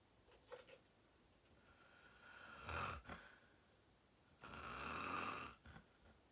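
Two loud, rough, rattling snores a few seconds apart against quiet room noise; snoring during sleep.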